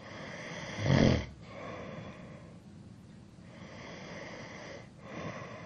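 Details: Adult male snoring: low rattling snore on inhalation, then quieter breathing before the next snore about four seconds later, steady background hiss; snoring.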